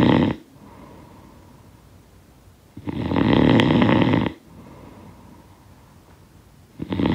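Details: Loud rattling snores on each in-breath, about three cycles at roughly 22 breaths a minute, with quiet exhalations between; sound-effect recording of snoring.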